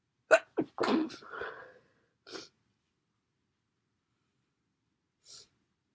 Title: Sneezes and blows